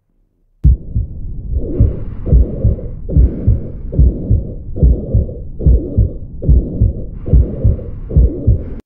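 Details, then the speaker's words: Mitral area on auscultation, murmur radiating toward the left axilla, heart rate about 72 a minute: steady blowing pansystolic murmur of mitral regurgitation. "so we have to first localize the mitala will hard in the mitala and if the mmer goes in the same direction towards the axila it is indicative of mital where we can find a pan systolic type of M"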